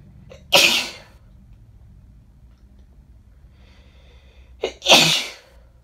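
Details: Woman with bad summer hay fever: two forceful sneezes, each preceded by a quick intake of breath; repeated sneezing.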